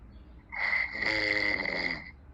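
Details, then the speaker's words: A sleeping person snores while someone repeatedly calls him to wake up: a single loud, rattling, buzzing snore on an in-breath, with quiet room noise around it. "أنا نام ده يقول. لا ترجم لكم. يحكي بالشخير."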